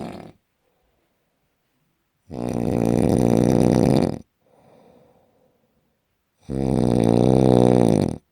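Loud, rough, buzzing snores about two seconds long, separated by quiet pauses with a faint breath between them, in a small quiet room.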